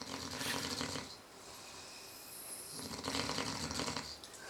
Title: 2 idiots snoring, 1 idiot watching.